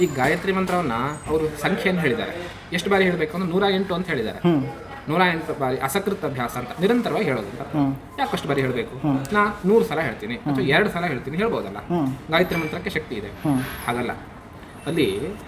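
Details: Adult male speaker; ordinary speech.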